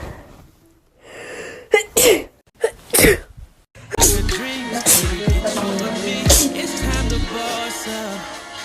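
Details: Woman sneezing, wondering if she is allergic to pollen and thinking she has a fever: a few wet, explosive sneezes with sharp intakes of breath, then loud music; repeated sneezing.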